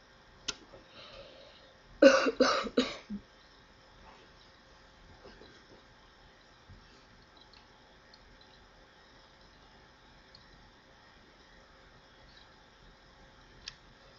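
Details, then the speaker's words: Cough from a person who says they are still not feeling well: a quick burst of three harsh coughs, then a quiet room, a short coughing fit. "Sorry. Sorry about the coughing."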